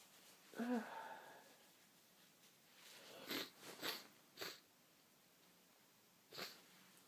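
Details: Very sniffly person with streaming eyes in a sneezing fit: one voiced sneeze with build-up, followed by several sharp sniffs or stifled sneeze bursts, quiet room.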